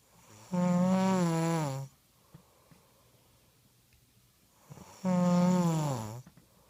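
Two loud, buzzing, tonal snores, each lasting over a second, with quiet pauses between; typical loud snoring.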